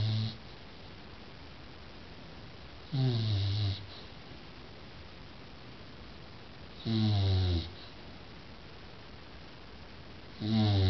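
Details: Bulldog snoring: deep, regular rattling snores roughly every four seconds, about 15 breaths a minute, over steady room hiss.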